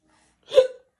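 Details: A single short, sharp hiccup: a sudden voiced catch of breath, then silence.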